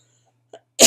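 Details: Cough from an adult with chronic illnesses who has caught bronchitis, with asthma complications, taking prednisone steroids and feeling very unwell; cough.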